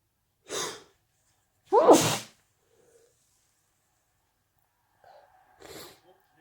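Three separate sneezes, the second loudest with a sharp vocal burst; repeated sneezing from allergy.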